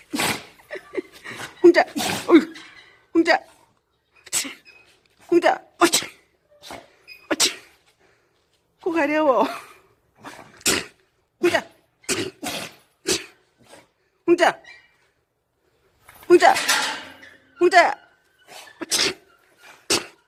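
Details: Dog making a run of sharp, short nasal bursts with brief pauses and a few whiny breaths between them; repeated sneezing.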